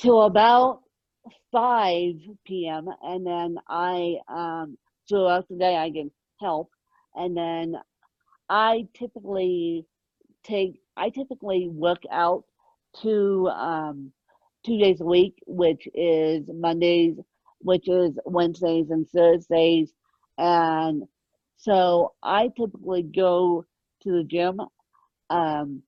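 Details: Adult woman born with moderate ataxic cerebral palsy, mid-spectrum, needing 24-hour care; ataxic dysarthria.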